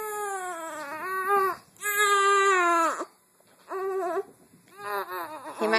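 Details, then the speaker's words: Infant during tummy time, rolling over: bursts of high, tuneful crying and fussing separated by short silent pauses; mild, brief cry. "crying but he secretly likes it roll over time out for second on the hand"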